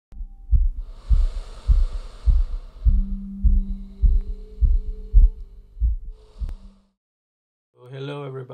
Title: Loud heartbeat sound on speakers - Inside-Out 10 Years - Part 1: The Stethoscopic Microphone